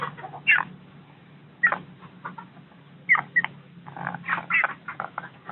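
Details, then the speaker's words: A chicken with "ngorok" (snoring) respiratory disease, still otherwise healthy, makes irregular raspy, squeaky bursts over a steady low hum. Caught early, before swollen watery eyes; the flock is to be treated via drinking water. Respiratory rales (snoring). "inilah yang dinamakan ayam ngorok ya kawan-kawannya"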